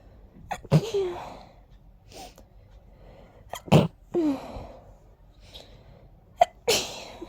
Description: I was very stuffy in this one. Many strong sneezes..